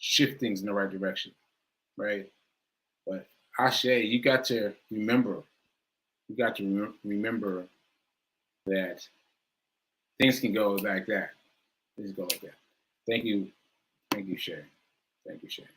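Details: Aphasia after stroke in an adult male stroke survivor speaking live, with word-finding difficulty.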